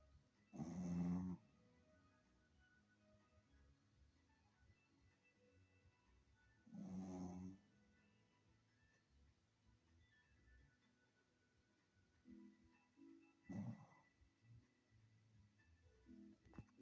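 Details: Three loud, low, rattling snores about six seconds apart from a sleeping male dog, with faint background music between them; ordinary snoring.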